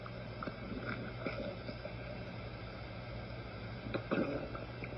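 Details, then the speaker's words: Normal bowel sounds on abdominal auscultation: soft, irregular high-pitched gurgles and clicks over a steady low hum, described as cascading and intermittent, normally five to thirty per minute. "note the character and frequency of vowel sounds which typically are high pitched gurgling cascading sounds that occur intermittently five to thirty times per minute do not count the vowel sounds but determine if they are normal hypoactive or hyperactive normally they sound like this"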